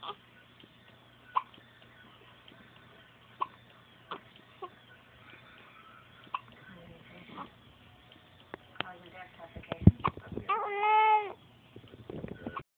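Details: Baby scared of her hiccups: brief, sharp infant hiccups repeating every second or two in a quiet room, then a short whimper; hiccups.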